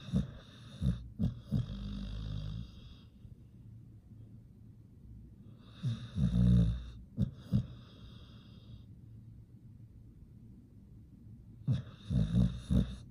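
Deep, rumbling snores with snorting catches come in bursts about every five seconds, quiet breathing between. A sleeping dog snoring.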